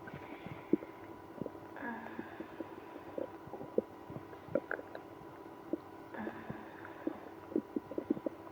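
Frequent gurgling and rumbling bowel noises with occasional longer moaning growls, typical of active, noisy digestion.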